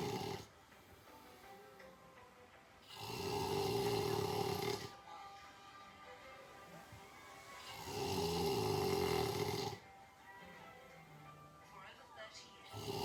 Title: Never sleep alone again (snoring)